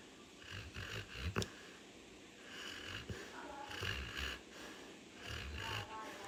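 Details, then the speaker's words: Dog snoring like a pig: low, rumbling, snorting breaths repeating every second or two, with faint background talk. "Has anybody heard a dog snore like a pig? Well, now you have."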